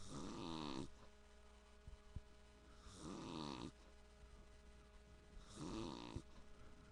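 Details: Adult man (a father) snoring: rattling snores about every 2.7 seconds, roughly 22 breaths a minute, with faint steady hum behind; snoring.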